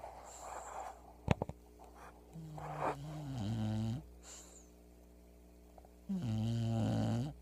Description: English bulldog snoring so loud when she sleeps